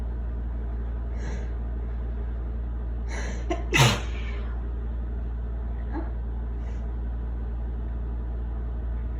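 A breathy inhaled buildup, then a single wet, explosive sneeze, heard over steady low engine rumble.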